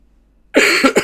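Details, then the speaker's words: An adult gives a lingering cough that has persisted after a cold; the speaker says it is not bronchitis. "bronchitis no no just the endless cough after a cold it's pretty fun looking in the starting challenge"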